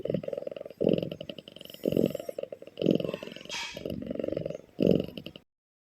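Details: Sleeping cat snoring loudly: rattling snores in bursts about every second, rough and fluttery like a purr-snore.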